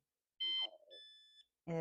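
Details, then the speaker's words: Medtronic deep brain stimulation recharger alert in an adult with Parkinson's: short electronic tones when leaning forward moves the charger off the implant, signalling not charging. "If I lean forward and it comes away from me, it beeps and says, "Oh, you're not charging.""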